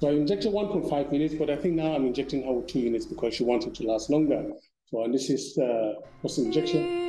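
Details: Adult male speaker; plain speech.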